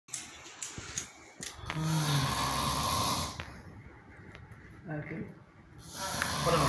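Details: An adult friend snores heavily at night: a loud, rough, growling inhaled snore with snorting noises and some room noise; snoring likened to a tiger.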